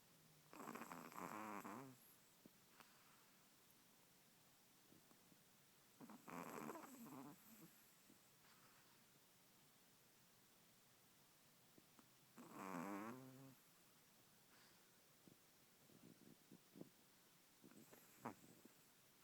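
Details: Remy snoring in REM sleep: soft, fluttering snores on the in-breath about every 6 seconds, roughly 10 a minute, with quiet breathing between; snoring.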